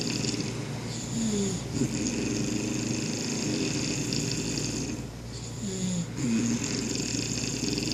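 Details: Snoring: a steady, low, rumbling breathing sound with faint whistling notes over a constant hum of room noise.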